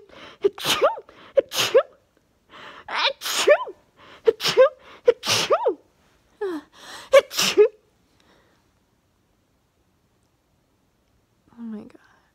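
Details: Morning sneezing fit in bed, 34 sneezes in total; about nine rapid sneezes each preceded by a sharp inbreath, then a quiet pause; sneezing fit.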